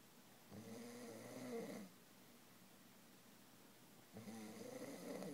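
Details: Two long, loud, rattling snores on breathing in, separated by quiet breathing out, from a person described as drunk; heavy snoring.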